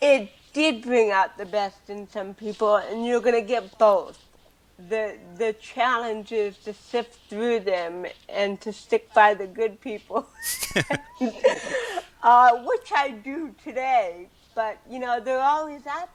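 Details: Adult woman born with cerebral palsy, speaking in an interview; dysarthria (cerebral palsy).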